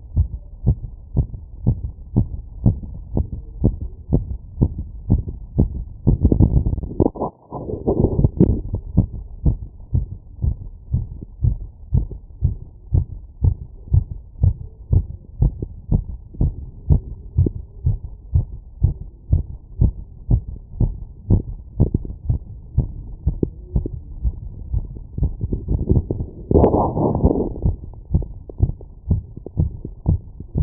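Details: Rapid, regular heart sounds near 120 a minute via stethoscope membrane (100–1000 Hz) after running 2 km in 10 minutes: sinus tachycardia after exercise.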